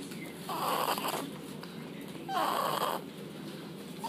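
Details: Baby snoring quietly when very tired: two soft, noisy breathing sounds about two seconds apart with faint rattle, over steady background room noise.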